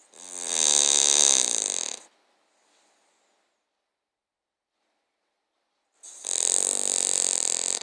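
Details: Snoring in a sleeping King Charles Cavalier dog, also dreaming: two drawn-out, buzzing, somewhat whistling snores about four seconds apart in a quiet room.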